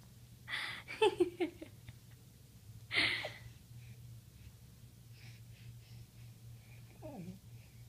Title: That Sneeze, Though